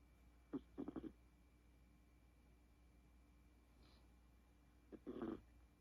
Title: 코고는 소리 누구?! | Snoring..zZ | Turn up the volume! #shorts #puppy #chihuahua #cutedog #Uno